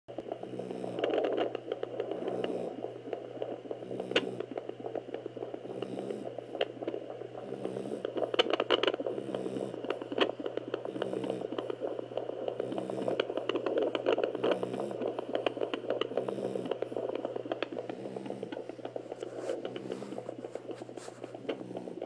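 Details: Pocket fetal Doppler on a pregnant French Bulldog at day 47: rhythmic whooshing fetal Doppler pulses with static and probe scraping over her belly.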